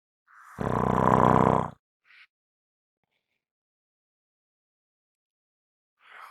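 One loud, rough, rattling inhaled snore followed by quiet breathing; heavy snoring.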